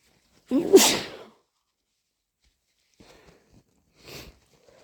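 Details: Head cold: one forceful sneeze, then soft sniffing and a brief nose blow; sneezing.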